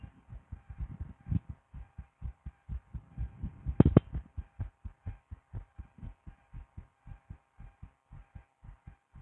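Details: Woman's own heartbeat through a DIY stethoscope: steady, rapid, regular thumps with brief handling scrape midway; normal heart sounds.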